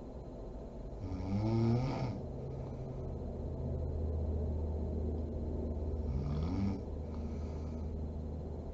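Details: Sleeping mother snoring: two rattling inward snores about five seconds apart over a steady low hum; snoring.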